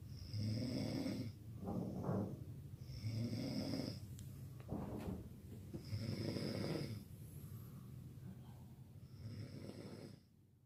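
Loud, rough snores on each breath in, about 15 breaths a minute, with quieter breaths out between; heavy snoring.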